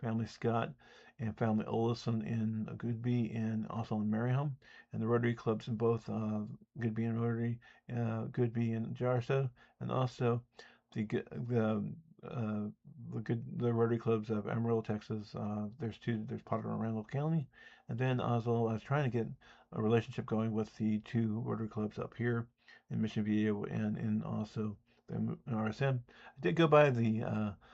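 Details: Adult man who says he has an audible speech impediment, with disfluent speech; speech impediment.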